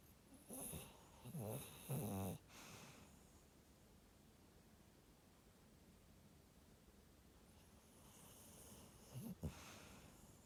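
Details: Ted snoring: several rough, snorting snore bursts, a quiet pause, then a softer snore and snort, snoring during sleep.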